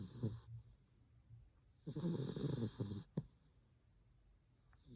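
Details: Sleeping cream poodle: short, rough, fluttering snores and snorts with quiet pauses between breaths; dog snoring.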